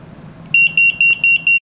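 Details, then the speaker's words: Five rapid high-pitched beeps from a demo airflow-detecting apnea monitor sensing nose and mouth airflow, alarming when no breathing is detected. "the blinking light means breathing now no breathing is detected"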